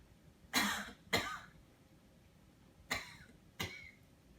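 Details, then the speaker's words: Four short, forceful coughs in two pairs: a splinted cough demonstrated with a pillow held against the chest after heart surgery, advised as often as every 10 minutes while awake, alongside deep breathing exercises. "so you want to take your pillow hold it against your chest and cough"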